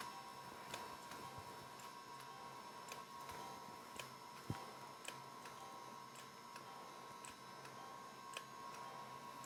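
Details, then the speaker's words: Soft irregular clicks over a steady hum and faint music: a Potenza radiofrequency microneedling handpiece pulsing on second passes over the upper lip, with reduced wattage and needle depth, and over the cheeks. Each tip holds 1,000 pulses. "If you find yourself with leftover pulses, each tip has 1,000 pulses. You may want to do a third pass to hit certain target areas, such as around the eyes, the glabellar furrows, or around the mouth."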